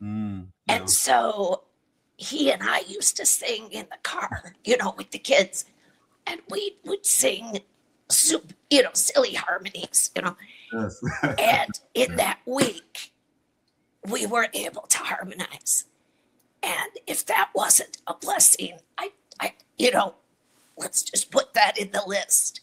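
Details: Adult woman with a chronic voice disorder that took away her singing voice and makes speech hard. She is treated with Botox injected directly into the vocal cords every three months, and her voice worsens and improves around each treatment; spasmodic dysphonia.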